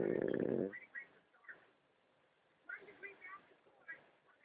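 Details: Snoring pug: one loud snorting snore, then softer snuffling and wheezy breath noises.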